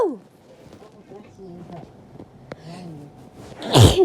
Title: Girly sneezing fit being blessed my bf and us having fun